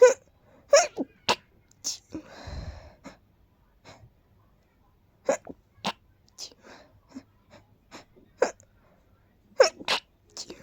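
A run of breathy, stifled sneezes, short sharp bursts repeating in quick succession, about eleven in all; ordinary sneezing.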